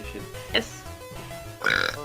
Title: my friends burping